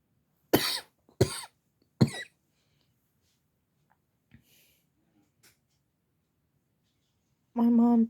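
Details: Three short, sharp, dry-sounding coughs, then quiet and a brief voiced sound, from a person sounding better than yesterday after homemade cough medicine of wine, honey, lemon and peppermint; cough.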